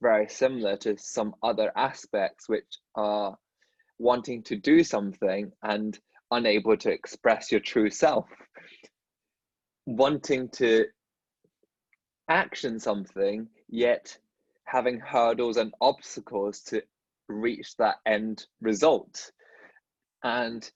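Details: Adult dentist who stutters, speaking in a podcast conversation with another dentist who stutters; stuttering.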